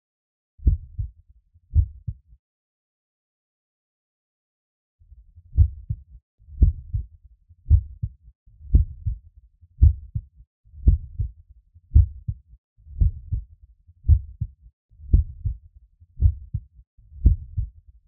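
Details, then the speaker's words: Teaching recording of normal heart sounds, S1 and S2, for cardiac auscultation training: the heart is in systole between the first and second sound, and in diastole after the second sound while awaiting the next first sound. "donc quand on écoute le coeur attentivement on peut savoir si on en est au moment entrepôts et que le cœur est en pleine systole et si au contraire on vient d'entendre le tas et qu'on attend le prochain pont on sait que le cœur est en pleine diastole"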